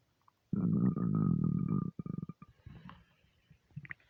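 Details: Stomach after overeating, half hungry half gassy: long loud groaning gurgle then shorter bubbling rumbles; borborygmi.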